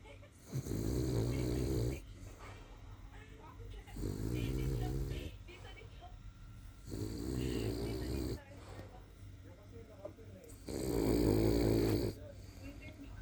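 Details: Senior King Charles Cavalier dog snoring: four loud, rattling snores at about 18 breaths a minute with quieter breathing between; snoring.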